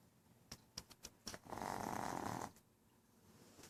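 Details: Pug snoring after a long day at the veterinary clinic and running around: a few snorting clicks, then one long, harsh, rattling snore.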